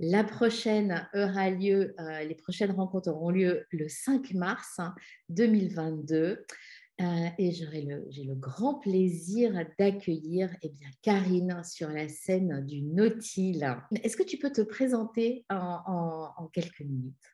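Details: Adult woman speaking French; normal voice.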